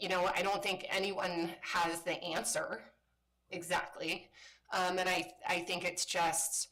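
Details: Woman with spasmodic dysphonia, a voice disorder she calls a brain disorder and says kicks in sometimes; spasmodic dysphonia.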